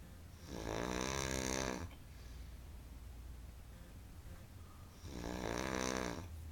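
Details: Two long, loud, rattling snores about four seconds apart, each over a second long, with quiet breathing between; snoring very loud.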